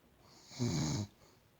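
A single low, rattling snore lasting about half a second in a quiet room.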